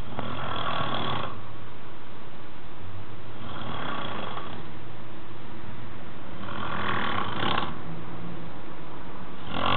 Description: a friend with his noticeable sounds